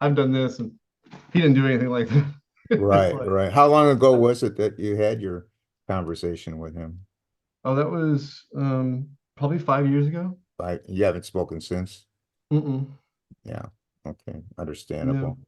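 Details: Adult male speakers in conversation; ordinary conversational speech.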